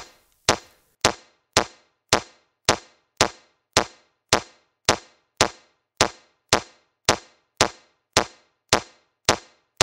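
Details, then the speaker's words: Mindray C-series AED in a training demonstration: sharp, evenly spaced metronome clicks at about 110 per minute pacing chest compressions, 30 compressions and two rescue breaths, after a shock was delivered. "psienti pu vuselusta Elisa kohes järgi metronoomi et teha 30 korda sdamemassaaži ja kaks suust suhuingamist"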